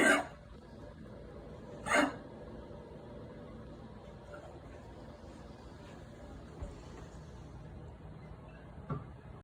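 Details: Revvy, a dog, coughing while being told to sit: two sharp, harsh cough bursts about two seconds apart, then quieter faint sounds: dog cough.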